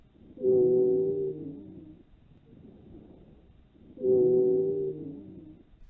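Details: Wheezes.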